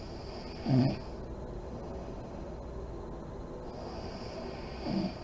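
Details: Sleeping mother in deep REM sleep, lights on: two short, snorting snores about four seconds apart over steady room hiss; light snoring.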